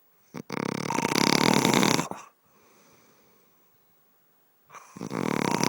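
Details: Snoring: loud, harsh rattling snores on each breath in, with a quiet breath out between; heavy snoring.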